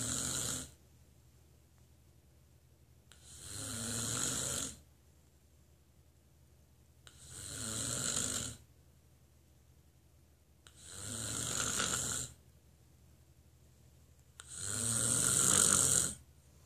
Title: snoring